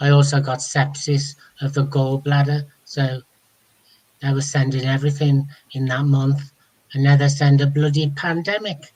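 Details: Adult man speaking; no speech disorder.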